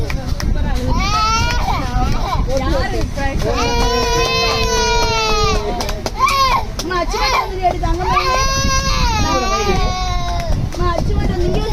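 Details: Young child crying with loud, sustained wailing in long bursts, other children and voices around; infant crying.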